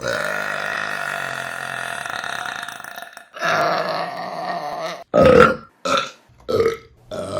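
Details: Woman burping; a long drawn-out belch, then several shorter loud belches in quick succession; repeated burping.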